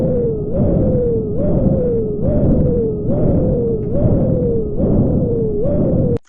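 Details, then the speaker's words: Stethoscope over a dialysis fistula or graft at the anastomosis or cannulation site: pulsing whooshing bruit with high-pitched whistling rise on each beat, about 70 a minute, indicating access stenosis. "and now this is what it sounds like if you have stenosis um or"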